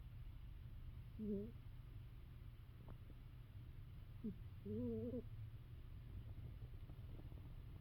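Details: Sleeping female cat that snores often, sometimes louder than this and not always the same sound; cat snoring.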